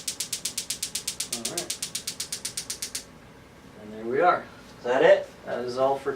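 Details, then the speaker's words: Extracorporeal shockwave therapy for Achilles tendonitis: about 3 seconds of rapid, even mechanical clicks at roughly eight pulses per second, then brief speech; shockwave device pulsing. "all right well there you have it we just went through a shockwave treatment"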